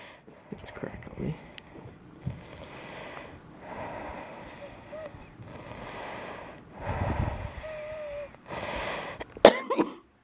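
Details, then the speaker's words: Woman with cystic fibrosis, not breathing well after an hour of vest therapy: noisy, rattly breaths with crackles from thick airway mucus and a brief whistle. "the crackles that you hear when she's breathing are with CF is just that thick mucus in the lungs and it restricts the Airways and restricts breathing"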